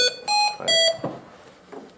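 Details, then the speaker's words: A short series of sharp high-pitched beeps: a pressure limitation alarm on a Hamilton T1 portable ventilator during a staff in-service training session. "So what's it saying? So pressure limitation. All right, so something's going on, right?"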